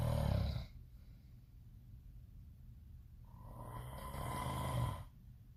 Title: Sleeping but SOME ONE IS SNORING SO LOUD #snoring #sound #stopsnoring